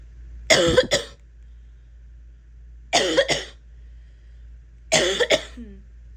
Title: barking cough clips (f)